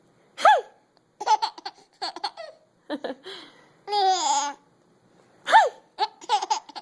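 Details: Laughing: bouts of giggly laughter broken by short, abrupt voiced catches, sudden hiccup sounds cutting into the laughing; hiccups.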